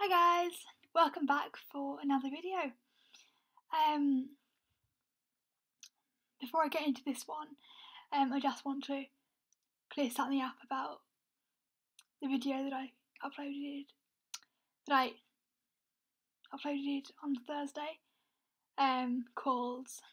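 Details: Young adult woman with a self-reported stammer; stuttering (stammer).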